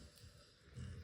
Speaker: Oh, sorry, my dog is snoring, in case you're wondering what that noise is.